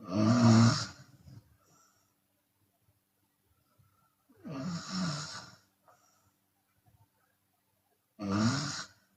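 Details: Chinese woman snoring with open mouth, sometimes on the exhale: three loud, rattling snores about every four seconds with quiet pauses, roughly 15 a minute; open-mouth snoring.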